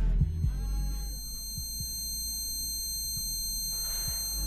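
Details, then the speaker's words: Simulated tinnitus from loud earbud and headphone noise exposure: steady high-pitched ringing tones over muffled music with thumping bass. "ringing sound is called tinnitus. It's a possible side effect of intense noise exposure, but once you get it, it's like a song that never ends."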